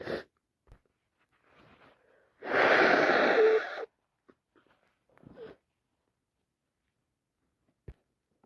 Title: It's official I've caught my bosses cold and can't stop sneezing and sniffing #achoo #cold